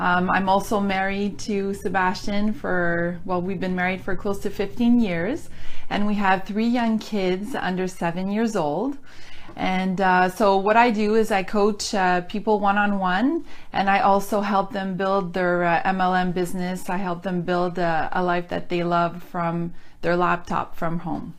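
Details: Adult woman; ordinary speech.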